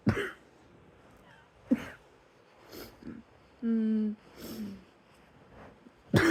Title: # 156 hmm ... 😑 coughing KF